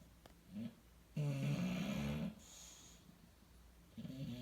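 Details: Sleeping bulldog: soft snorts, then one louder buzzing snore about a second long in a quiet room; gentle snoring.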